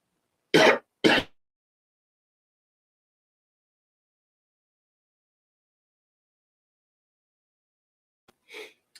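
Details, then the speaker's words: Adult livestream presenter still recovering from illness gives two short, sharp coughs in quick succession, then a long silence with a faint brief sound near the end; cough. "if you can hear me excuse me about the cough"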